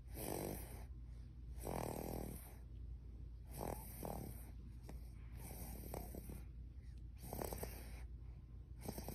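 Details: Baby snoring: regular, rattling snores with each breath, about seven cycles over nine seconds (roughly 45 a minute), over steady low room hum.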